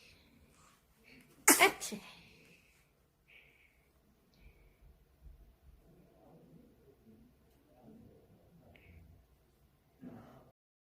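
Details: Newborn baby giving a single sharp, high-pitched sneeze, followed by soft breathing and small baby sounds in a quiet room; sneeze.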